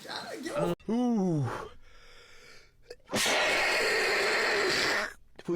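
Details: Streamer sneezing: a rising vocal inhale, then a loud, wet, explosive sneeze burst sustained about two seconds.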